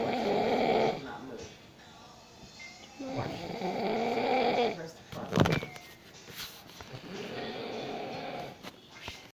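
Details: Snoring of a sleeping father: repeated rough, throaty, rattling snores with quieter breaths between them and a brief knock or movement noise partway through.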